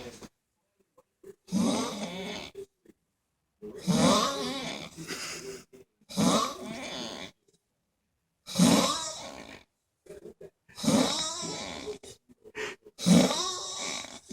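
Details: Heavy snoring after a hard night of striper fishing: six loud, harsh, fluttering snores about 2 seconds apart with silent pauses, roughly 26 a minute.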